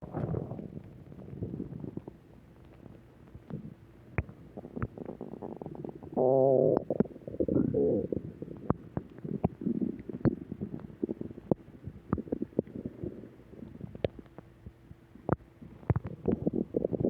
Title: Return of stomach growl 4